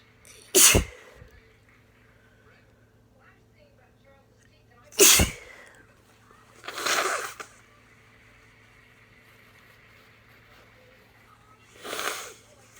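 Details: Four loud, explosive sneezes spread over about twelve seconds in a quiet room; sneezing fits from a person with a cold.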